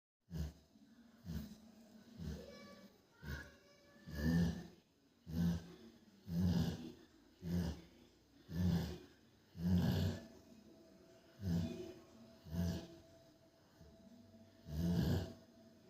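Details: Sleeping Rottweiler snoring with low, rumbling bursts repeating about once a second or a bit slower.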